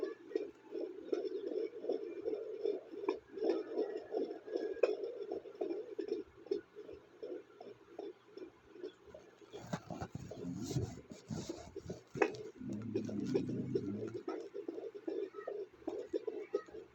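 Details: Fetal heartbeat on fetal Doppler monitoring: fast, regular whooshing beat about 150 a minute, with a loud scraping burst from the baby kicking.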